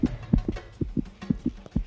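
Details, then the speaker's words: Adult hiker, sweaty after a steep climb to a viewpoint, heartbeat picked up on the microphone: quick, regular low thumps in pairs at about 125 a minute; racing heartbeat after exertion. "See if you can listen to my heartbeat."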